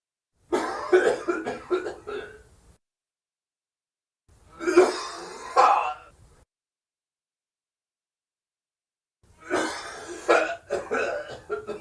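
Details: Man's forced dry cough, recorded as a sound effect: three bouts of harsh, dry, forced coughing with throat clearing; acted dry cough.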